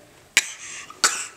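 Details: Two short, sharp, dry deliberate coughs from a young girl performing a coughing trick, not from illness; voluntary cough.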